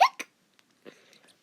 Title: Has Hiccups